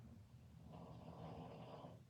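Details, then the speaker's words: Female dog's low, rumbling snore, one drawn-out breath in a quiet indoor room; snoring. "Can you hear my dog snoring? That's funny. It's really not me. It's not my stomach. It's my dog. She's snoring."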